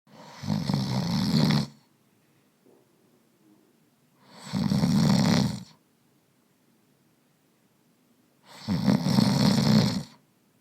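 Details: Adult man snoring in deep sleep, recorded in a real bedroom with binaural microphones: three loud rough snores on breathing in, roughly every four seconds, with quiet pauses between.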